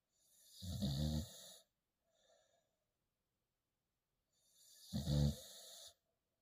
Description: Shadow snores loud trying to sleep #pitpuppy #bulldog #dogsofyoutube